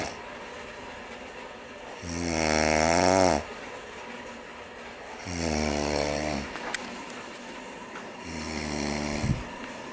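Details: Loud, rough rattling snores on each inspiration, about three in ten seconds, with quiet expirations between: heavy snoring.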